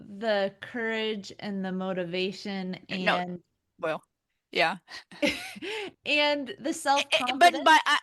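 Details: Adult women in conversation; ordinary speech.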